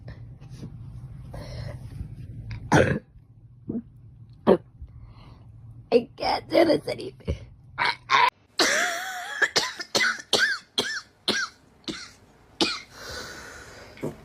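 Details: A girl has a coughing fit: a run of about a dozen repeated harsh coughs, with some throat clearing and room noise, under background music.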